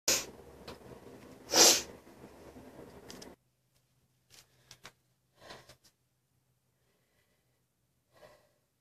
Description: 4 sneezes this time for my sneeze fans ;)